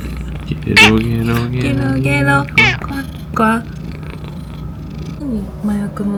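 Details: Hoarse meow from a female former stray cat, estimated 5 years old, recovering after full-mouth tooth extraction surgery.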